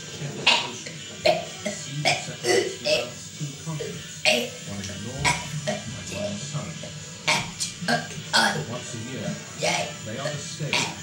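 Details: A person deliberately burps the alphabet: a rapid run of short, voiced burps shaped into letter sounds, with music in the background. Deliberate burping.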